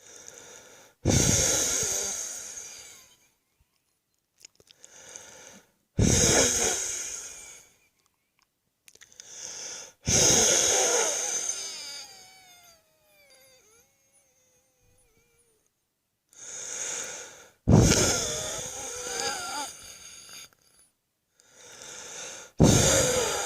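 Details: Close-up recording of a chest wheeze: noisy rattling breaths with a whistling musical wheeze on expiration, about 12 breaths a minute, before a wet coughing fit; wheeze.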